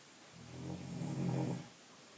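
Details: 15-year-old male (5'10", 156 lbs) snoring in his sleep: a single low, rumbling snore on an in-breath lasting over a second, in a quiet room.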